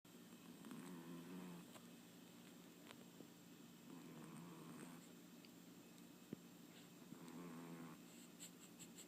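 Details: Soft, rough, rattly snores every few seconds in a quiet room from a small sleeping pet.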